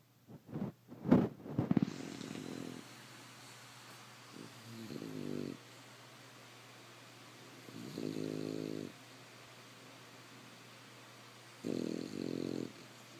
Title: English Bulldog ponyo snoring